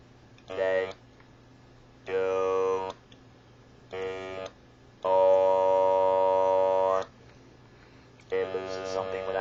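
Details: Adult electrolarynx user singing Happy Birthday: buzzy, flat-pitched mechanical voicing in short bursts at a low male pitch setting, with little pitch range.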